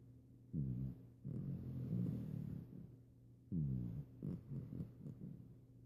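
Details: A puppy snoring while napping: low, rumbling, fluttering breaths repeat every few seconds against quiet room noise. She frequently snores during naps.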